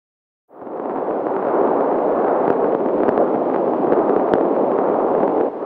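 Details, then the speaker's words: Pregnant woman's BabyBeat handheld fetal Doppler picking up maternal venous sounds: a steady, windy rushing noise without a distinct beat that varies with breathing; a normal finding. "maternal sounds your arterial sounds are at the same Pace as your heartbeat Venus sounds vary with many things like breathing"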